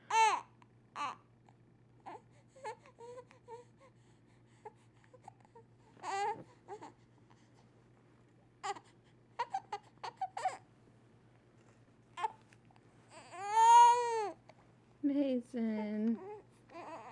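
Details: Infant crying during tummy time, which he dislikes: intermittent fussing and whimpers building to a full wailing cry, with a low room hum.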